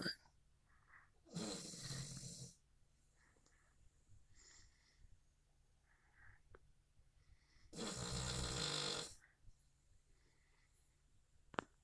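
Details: Snoring, part 1 of a recording of a sleeping companion.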